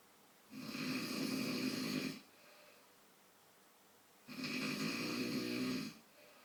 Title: Dad snoring